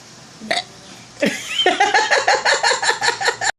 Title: The Burping Queen